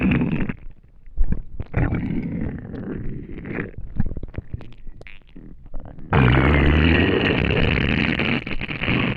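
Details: Gurgling, rumbling bowel sounds with bubbling pops and a loud rough noise near the end; hunger borborygmi of an empty stomach after not eating for a day.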